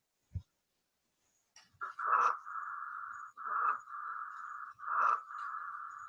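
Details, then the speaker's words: Auscultation teaching example of stridor: repeated loud, high-pitched, musical noises with each breath from laryngeal or tracheal obstruction, mostly inspiratory and louder with stronger breathing. "e é o estridor ele ocorre quando há obstrução aline ou na traqueia vai ser mais comum na fase inspiratória e ele vai aumentar com a intensidade da respiração é um som mais intenso e mais agu"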